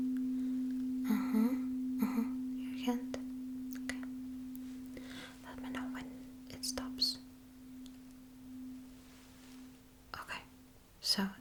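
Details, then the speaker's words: Simulated vibration-sense test in an ASMR cranial nerve exam role-play: a tuning fork placed next to the hand rings a steady pure tone that slowly fades, amid soft whispers and handling noises. "So what I'm going to do is h put it next to your hands and you will simply let me know uh if you feel the vibration and how long you can feel it and when you stop feeling it."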